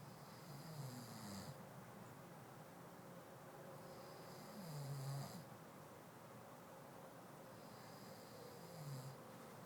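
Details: Soft, low snoring from a sleeping male, about 16 a minute against steady background hum.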